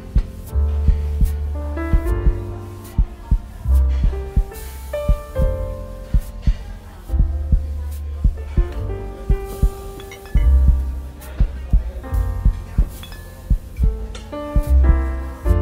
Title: Sleep Music, Sleep Meditation, Relaxing Music, Meditation, Study, Sleeping Music, Heartbeat sound